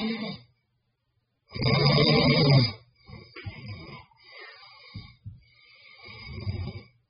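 A loud, harsh rattling in-breath followed by quieter, uneven snorting breaths; snoring.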